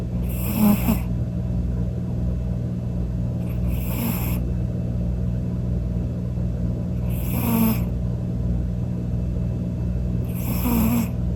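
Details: Sleeping cat snoring like an old man: four loud, rattly snoring breaths, one roughly every three and a half seconds, over a steady low background hum.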